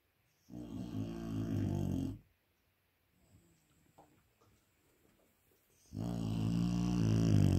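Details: Sleeping Dogue de Bordeaux (French Mastiff) puppy snoring: two long, loud, rumbling snores with a quiet gap between; ordinary snoring.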